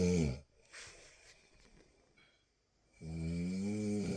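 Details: Two deep, rumbling snores separated by a quiet pause and soft exhale, in a small quiet room: snoring.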